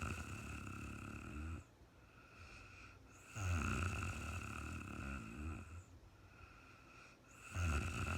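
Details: Woman asleep in real time, possibly in REM sleep: deep, rumbling snores with each breath at about 15 per minute, separated by quieter pauses, over a steady background hum; snoring.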